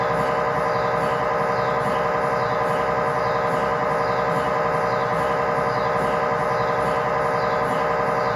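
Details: MRI scanner noise recorded inside the scan room of a GE 1.5T or 3T MRI system running a sequence: loud steady buzzing hum with a regular pulsing beat, about 90 per minute.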